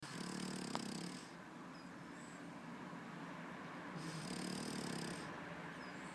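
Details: Sleeping French Bulldog: two long, steady, droning snores with softer breathing between them; snoring.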